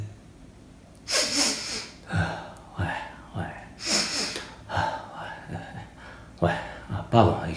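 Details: A man gives two loud sneezes, each preceded by a sharp indrawn gasp, amid talking in French in a room.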